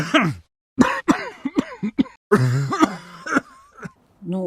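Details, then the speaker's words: Heavy dry cough in an ill person on day five, with cough and sleeplessness and a 37.5 °C fever at onset: a run of harsh, dry, voiced coughs in quick bursts, discussed in the context of acute bronchitis. "я думаю ты согласишься со мной это сухой кашель сухой тяжелый и я сочувствую твоему другу"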